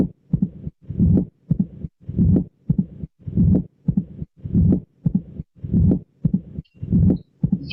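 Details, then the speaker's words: Teaching recording of mitral stenosis, best heard at the mitral focus in left lateral position and near the pulmonary focus: regular heart sounds with an early diastolic mitral opening snap after S2, followed by a low rumbling diastolic murmur. "este ruido pues que está a nivel de esa línea vertical por responde al sentido de apertura de la válvula mitral"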